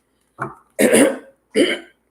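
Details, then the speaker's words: An adult woman clears her throat in three short, rough bursts, saying there is a block in her throat; she also has hiccups. "sorry i gotta clear that the block in my throat you're drinking water"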